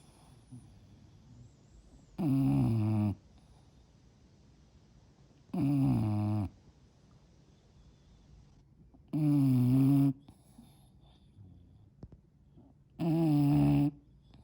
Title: The SNORE heard around the world. enlgish Bulldog